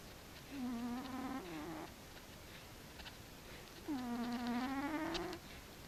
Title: Frici cica horkol :D Cat snoring by Frici :-D